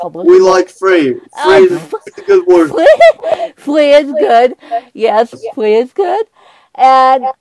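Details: Dysarthria in an adult man with cerebral palsy; he says he has a speech impediment, and his guest says his is greater than hers.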